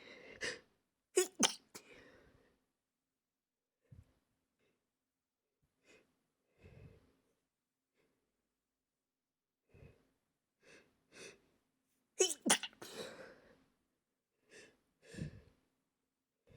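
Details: Stifled sneezing fit: a run of sharp, suppressed sneezes with quick catching breaths between them.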